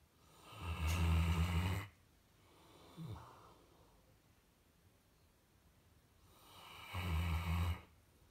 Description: Just a Saint Bernard dog snoring like a human.